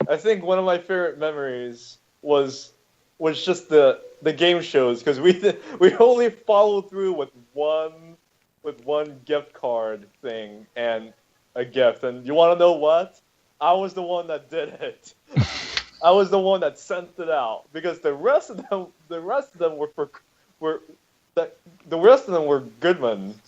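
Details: Adult male speaker; normal conversational speech.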